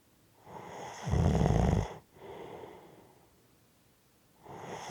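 A loud, deep, rattling snore on the in-breath, then a softer out-breath and the start of the next breath. Heavy snoring.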